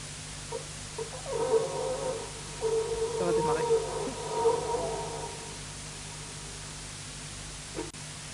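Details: Young girl asleep, differential diagnosis often mistaken for apnoea: two drawn-out, tonal moaning groans on the out-breath, quiet room noise between them; catathrenia (nocturnal groaning), not snoring.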